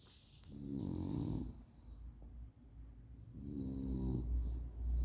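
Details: Two rattling, buzzing snores on the in-breath with soft snorting between, noisy breathing through a short, narrow airway during sleep; snoring.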